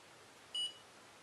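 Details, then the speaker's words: Glucometer gives a single short high beep over quiet room noise after the fingertip blood from a capillary lancing device is drawn into the strip; analysis begins; result 80, reported as not diabetic. "fois le bip sonore déclenché ce d'analysé d'académie va pouvoir commencer"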